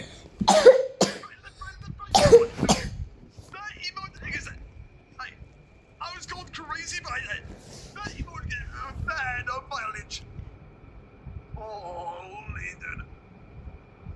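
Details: Two loud coughing bursts near the start from a person coughing while watching a livestream, then quieter throat sounds and faint background voices; cough.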